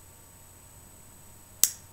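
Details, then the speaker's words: Quiet room, then a single sharp click as a fertility injection pen advances the dose, the last snap signalling completion, during a 39-year-old woman's self-administered subcutaneous abdominal IVF injection; injection pen click. "it's just snapping in letting me know when it's done so the last snap lets me know that one's done"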